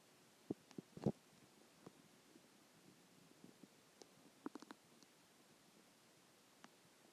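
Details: Stomach growling: quiet, scattered gurgles and squelches over a hushed background from gas and fluid moving through the gut; ordinary borborygmi.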